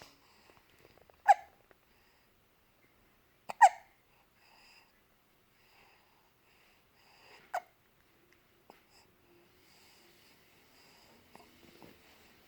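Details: 3-week-old baby boy held on a sofa: three soft, sharp newborn hiccups a few seconds apart, with quiet room sounds between.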